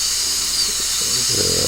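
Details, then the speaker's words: Shrill high-pitched whine with hiss and lower grinding of a high-speed dental drill with the finest diamond point. It is doing mesial proximal reduction from buccal until breaking through to lingual on a maxillary central incisor, for an all-ceramic crown abutment prep in a student lab. "삭제를 해 나가서 버칼과 링갈 측이 완전히 감통이 될 때까지 가장 가늘한 다이아몬드 포인트를 이용을 해가지고 삭제를 합니다."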